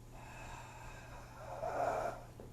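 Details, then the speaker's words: Instructor in a pediatric respiratory emergencies class imitates a wheeze: a breathy exhalation that turns into a high, musical whistle, with faint room noise; simulated wheeze. "hear that wheeze ah crap okay so like if i'm running a vent and i know this kid's wheezing"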